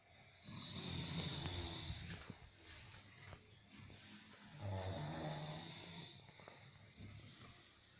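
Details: Group of sleeping people snoring: loud, rough, rattling snores recurring irregularly, several sleepers overlapping, low room noise between; snoring.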